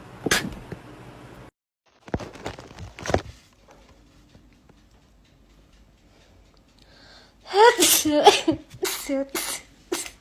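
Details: A single sneeze, then a cluster of several quick sneezes near the end, amid other voices and room noise; rapid repeated sneezing.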